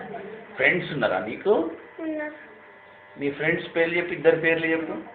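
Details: Adult speaker; Normal fluent speech.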